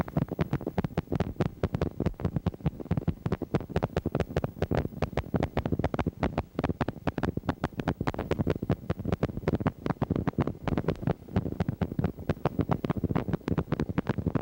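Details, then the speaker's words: Needle EMG speaker gives regular clustered crackling bursts like marching footsteps: myokymic discharges. Myokymia is most often seen in Isaac's syndrome, demyelinating neuropathy, radiation plexopathy and timber rattlesnake envenomation. "Myiomia is most frequently seen in Isaac's syndrome, demiolinating neuropathy, radiation plexopathy and timber rattlesnake in venomation. Watch and listen to my chemic potentials."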